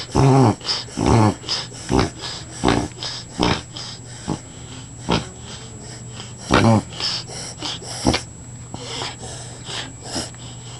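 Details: A dog, already checked by a vet, makes repeated loud, honking snorts: a run of reverse sneezing.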